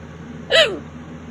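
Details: One abrupt voiced hiccup with a catch and falling tail over room hum, late at night, during a violent bout of persistent hiccups lasting over half an hour.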